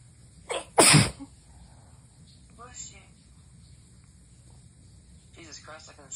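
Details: Strong sneezes in a series, with a sharp, loud sneeze after a short build-up while a girlfriend says bless you in the background; sneeze.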